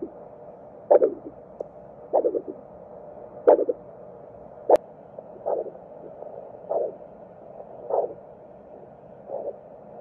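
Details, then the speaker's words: Handheld vascular Doppler over facial arteries (labial, facial, infraorbital, supraorbital, supratrochlear) of the examiner's daughter: rhythmic whooshing pulses about 50 a minute, normal pulsatile arterial flow. "i was able to doppler the superior inferior labial arteries the facial artery the infraorbital artery and the supraorbital artery as well as a superficial trochlear artery"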